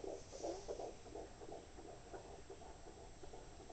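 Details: Rapid whooshing fetal heartbeat at about 156 per minute on a handheld Doppler, with shifting noise as the baby kicks and moves away from the probe; normal reactive fetal heartbeat.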